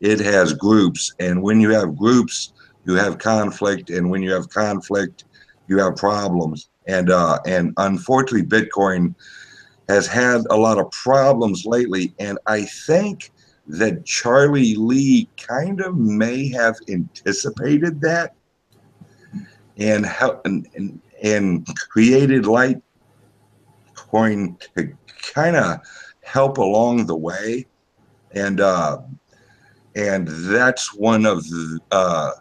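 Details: Male podcast guest's self-reported speech impediment, type not named. Finding: speech impediment.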